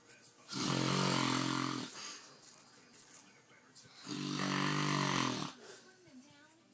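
Two long, loud, buzzing snores a few seconds apart, with quieter room sound between.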